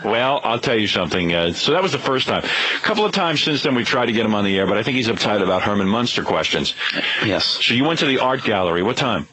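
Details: Adult male speaker on radio broadcast; typical speech.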